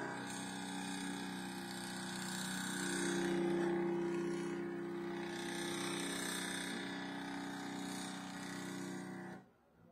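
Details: Stepper motor (A4988 driver) running in a homemade Arduino and ESP8266 smart syringe infusion pump with a Nextion display: a steady motor whine with fast regular stepping pulses.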